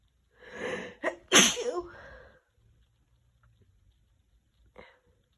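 A drawn-in breath builds into one forceful sneeze, then a faint sniff afterwards.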